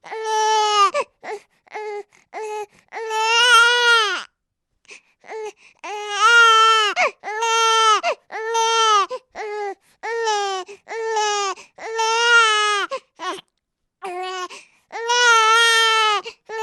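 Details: Baby sound sample: repeated loud, high-pitched wails with short catch breaths between, a vigorous cry; infant crying.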